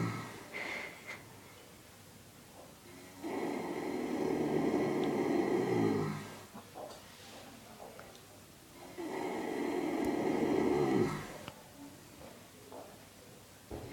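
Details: Long, loud, rumbling snores from a horse, two in fourteen seconds with quieter breaths between; horse snores like this daily, this among the loudest.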